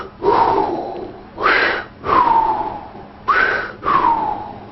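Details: Bronchial breath sounds.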